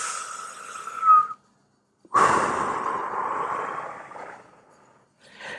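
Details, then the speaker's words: Doctor demonstrating deep mouth breathing practice before inhaler use: breathing in deeply through the mouth, then slowly breathing out through the mouth. Deep mouth breathing (breathing exercise). "நல்லா ஆழமா உள்ள இழுத்து திருப்பி வெளிய மெதுவா வெளிய விடுறது அப்படிங்கறதுதான் இந்த மூச்சு பிராக்டிஸ்"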